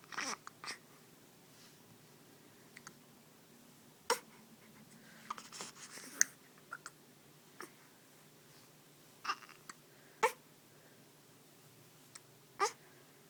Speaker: Hi, baby. Ah, do you have hiccups?